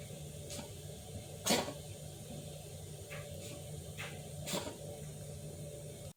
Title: Kitten Coughing